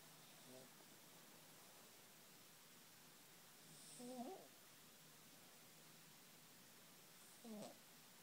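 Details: Cat snoring.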